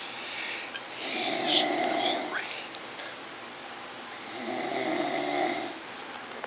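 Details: Someone taking a nap at work, with two rough, raspy, very loud snores a few seconds apart that have a hissing, whistly edge; powerful snoring.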